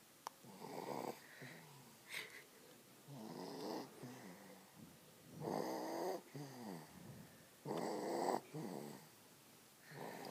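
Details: Sleeping dog: repeated wheezy, whistling snores with softer rattling breaths between them, roughly 25 a minute, in a quiet room; snoring.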